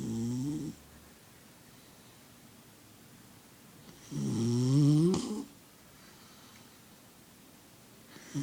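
Loud, drawn-out snoring sounds come in two breaths about four seconds apart, with quiet between them. This is ordinary snoring in a sleeping puppy.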